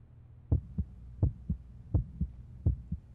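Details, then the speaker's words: Animated cartoon heartbeat of a young child at a doctor's check-up, heard through a stethoscope: paired lub-dub thumps at about 85 a minute, which the doctor calls healthy and strong. "Åh, ditt hjärta, det låter friskt och starkt. Vet du vad? Du kan själv få höra hur det slår i mitt stetoskop."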